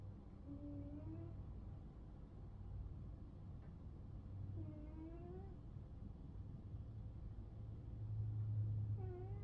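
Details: 11-year-old cat napping with a slight snore: soft rising whistle-like tones about every four seconds over a steady low rumble.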